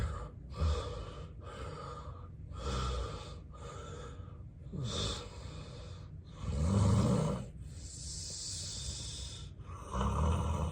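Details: Real, unacted daytime nap recorded in bed by a person with sleep apnea and daytime sleepiness: heavy, noisy breathing with snorts and gasps and apnea pauses; snoring with gasping in obstructive sleep apnea.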